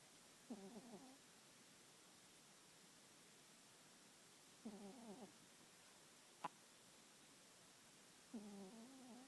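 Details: Soft, short, buzzing snores recurring every few seconds from two sleeping cats, one much louder than the other, with a faint click between; quiet room; snoring.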